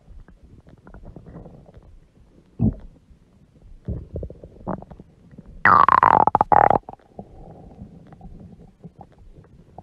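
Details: Woman's huge belly stomach growling: gurgling, rumbling noises with one loud, drawn-out squeaky growl, stomach growling from gas and fluid moving through the gut.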